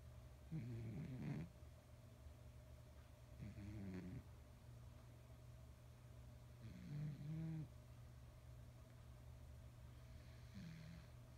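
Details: Nearly 20 lb male cat asleep and dreaming, face and paws twitching, gives soft, low snuffling snores about every three seconds over a steady room hum; cat snoring that sounds human-like.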